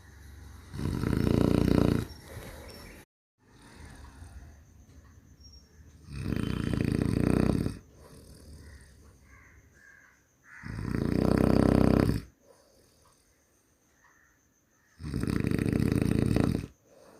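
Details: Loud, harsh, rumbling snores from a human on each in-breath, about every four seconds, with quieter breathing out between; heavy snoring.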